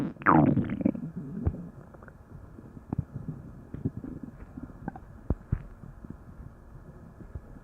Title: stomach growling (Thanksgiving special:))